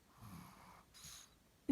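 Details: Snoring from a sleeping Chihuahua, reportedly nightly and loud: one soft, rough in-breath followed by a hissing out-breath, then a sudden loud noise as he is woken.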